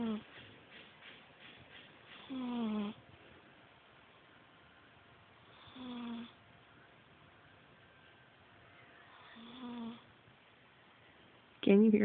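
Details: Sleeping female cat snoring heavily, owner suspects a bad dream: soft buzzing snore-like breaths every three to four seconds over a faint hum; she later purrs and twitches.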